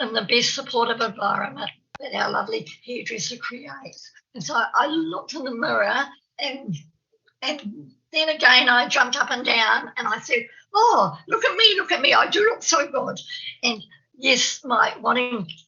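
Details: Adult woman from New Zealand who has a stammer. Stuttering.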